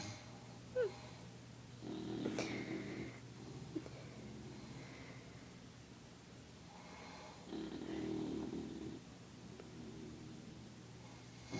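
Two low, rough snoring breaths several seconds apart, with quiet room noise between them; snoring.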